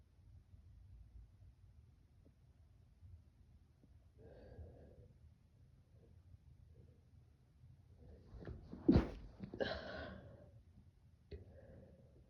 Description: just a few stuffy sick sneezes (and a cough — sound is kinda muffled :(